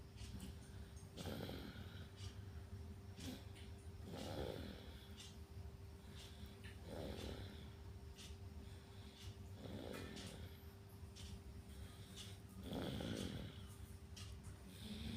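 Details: Sleeping baby snoring in deep sleep: soft, low snores about every three seconds over a steady background hum.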